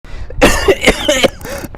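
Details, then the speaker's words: Simulated effective-cough demonstration, used to clear phlegm or mucus without irritation or fatigue and advised for asthma and COPD: a few short, forceful acted coughs in quick succession. "Batuk efektif adalah salah satu metode batuk yang dapat digunakan untuk mengeluarkan dahak atau lendir dari tenggorokan tanpa menyebabkan iritasi atau kelelahan."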